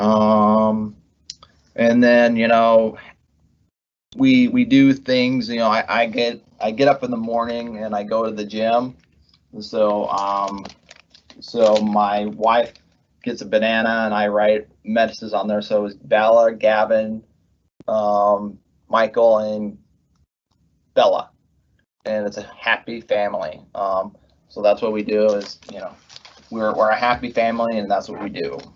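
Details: Adult male pharmacist, months after left-hemisphere ischemic stroke from left internal carotid dissection with right hemiplegia, treated with speech therapy, persistent word-finding difficulty; halting speech with repeated fillers and words; aphasia after stroke.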